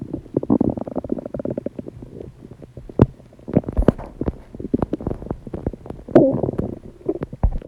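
Loud gurgling and rumbling from the stomach with irregular pops and churning; ordinary digestive bowel sounds.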